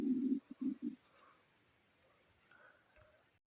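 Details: Pet's stomach growling (borborygmi): a few short, low gurgling rumbles in the first second, then near silence.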